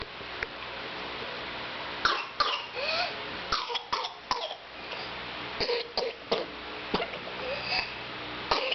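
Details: An infant daughter with whooping cough for a few weeks: a run of about ten sharp, closely spaced coughs with strained high-pitched sounds between bursts; a pertussis paroxysmal coughing spasm.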